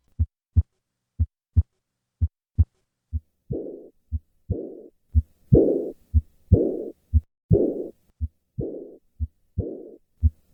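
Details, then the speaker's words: Tetralogy of Fallot: normal heart sounds, then the systolic murmur of mild residual subpulmonic stenosis, then the diastolic murmur of pulmonic insufficiency. "listen to the murmur of mild sub-pulmonic stenosis and combined pulmonic insufficiency I will start with normal heart sounds and then add the systolic murmur of subpulmonic stenosis and finally a diastolic murmur of pulmonic insufficiency"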